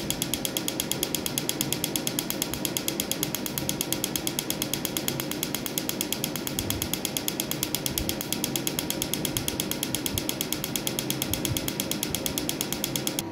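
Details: Pico laser firing during a woman's first tattoo-removal session on a tattoo: rapid, steady snapping clicks, many per second, over a machine hum.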